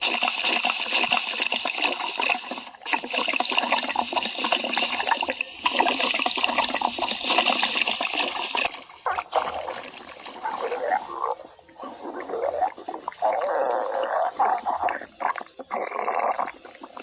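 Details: Stomach growling (borborygmi): steady watery rushing giving way to bubbling, gurgling grumbles.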